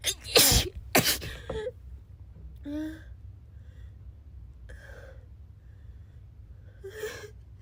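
Two sharp explosive bursts in quick succession with a preceding inhaled gasp, then quieter breathy sounds; a pair of sneezes.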